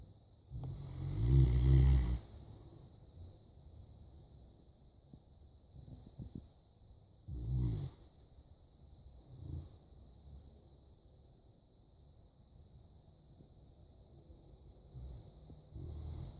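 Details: Saint Bernard dog snoring: deep, rumbling snores at irregular intervals, loudest at the start, over a faint steady tone.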